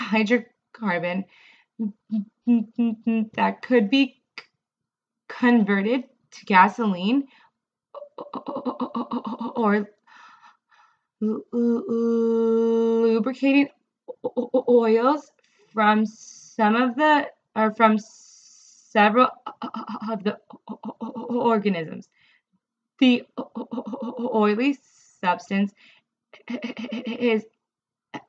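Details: Adult woman who stutters, reading a passage aloud; she reports more severe stuttering while reading than in conversation; stuttering.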